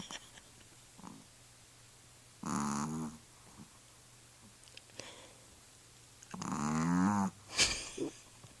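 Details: Two rattling, buzzy snoring breaths with quiet pauses and a brief snort at the end, from a sleeping Pomeranian dog; snoring.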